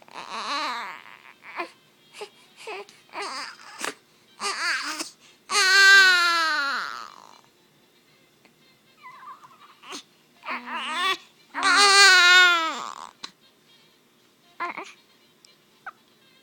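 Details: Newborn baby boy crying in short bursts building to long, strong wails, with quiet pauses between.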